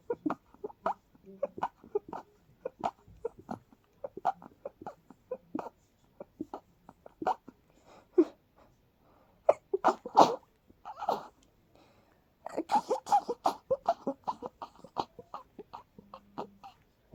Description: Incredibly fast, almost stuck in a loop sneezes 🤧🤧🤧